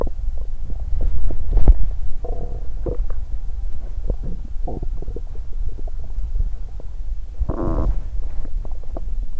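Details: Bowel sounds from a stomach that growled loudly after exercising on an empty stomach, which made the person feel unwell, with digestion sounds also included.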